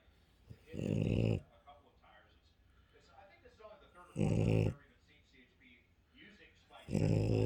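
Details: French Bulldog snoring: three loud, low, rattling snores about three seconds apart, with faint room noise between them.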